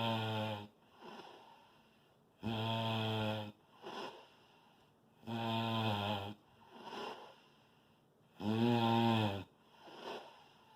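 Loud buzzing, tone-like snores on each breath in with softer breaths out, about 20 breaths a minute; loud snoring.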